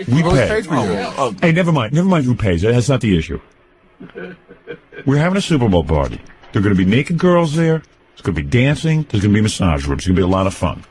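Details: Adult male speaker, radio broadcast; normal speech.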